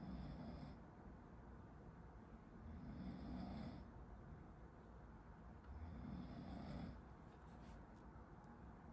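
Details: Snoring from a person sleeping nearby: low rattling snores recurring about every three seconds over a steady room hum.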